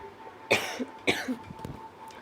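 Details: Voluntary cough from a breathing and coughing exercise demonstration: two deliberate, forceful coughs in quick succession with a faint steady tone behind, as in airway clearing.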